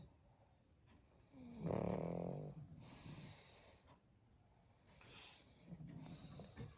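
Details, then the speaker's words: Pug dog snoring while lying down and sleeping: snorting, rattling snores and noisy breaths, with one louder drawn-out snore. "Tintin, তুই নাক ডাকছিস? হুম, কিরে, তোর না ঘর পাহারা দেওয়ার কথা, শুয়ে শুয়ে নাক ডেকে যাচ্ছিস?"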